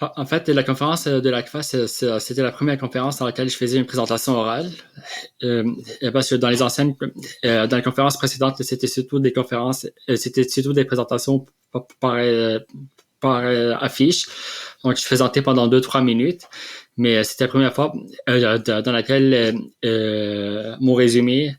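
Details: Stuttering in an adult man, a doctoral student raised in Lebanon who speaks French and Arabic, with blocks and repetitions; he says his stutter is stronger in French and Arabic.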